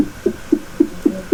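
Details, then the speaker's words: Fetal heartbeat from the ultrasound Doppler probe of a Bistos BT-350 CTG fetal monitor being tested during repair; probe pressed hard, raising the rate: rapid, regular whooshing thumps, about 220 per minute. "تو یہ آپ check کریں, اس کا sound جو ہے وہ proper آپ کو ابھی سنائی دے رہا ہوگا. یہ ہارٹ بیٹ چل رہی ہے"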